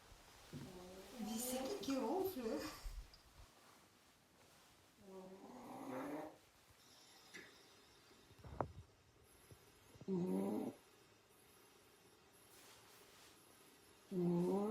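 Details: Cat snoring while asleep: soft snoring breaths about 15 a minute, faint talk in the background.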